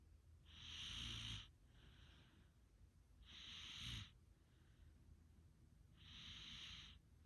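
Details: Snoring: three noisy breathing cycles with hissing, whistly inhalations and softer exhalations, about 22 a minute, over faint room hum.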